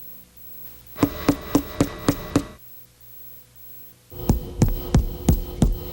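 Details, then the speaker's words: Tympanic chest percussion note in a nursing respiratory-exam lesson: two runs of quick hollow, drum-like taps, occurring with air trapped in the pleural space (pneumothorax) or a large lung cavity such as a tuberculous cavern. "é o som timpanico ocorre quando a ar aprisionado no espaço pleural como no pneumotórax ou uma grande cavidade entre a pulmonar como numa grande caverna tuberculosa"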